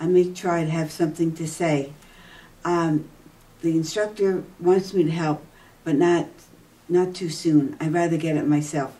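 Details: Adult woman with aphasia after a stroke seven years ago, attending an aphasia center program; aphasia.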